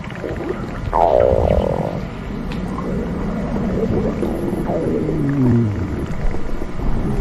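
Low, drawn-out gurgling and groaning rumbles with gliding squeaky tones; ordinary stomach growling from moving gut contents.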